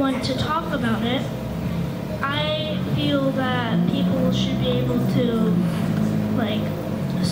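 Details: Stuttering in a child attending a stuttering camp in 2024, speaking to a crowd about people who stutter.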